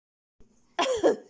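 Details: A mother gives a single short, throaty cough, close to a throat clear, in a quiet room while her baby boy laughs at her coughing.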